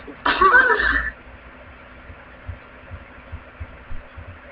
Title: my sneezes